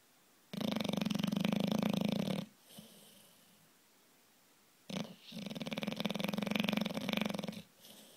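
Loud, rough, fluttering snores on two long breaths with quieter exhalations between; heavy snoring typical of a flat-faced dog.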